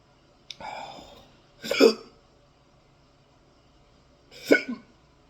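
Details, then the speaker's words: Hiccups in an adult, starting within seconds of eating very hot Dragon's Breath pepper sauce: three abrupt, sharp voiced gulps a couple of seconds apart, with a brief exhaled breath after the first. "This is the first sauce in a while it's giving me the hiccups."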